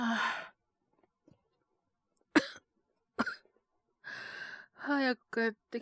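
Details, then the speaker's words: Acted, simulated cough by a male voice actor playing a young man with a cold and a slight fever (36.9°C): several short, sharp coughs separated by pauses, ending with a voiced groan. "ちょっと咳出るようになっちゃって。風邪ですかね？"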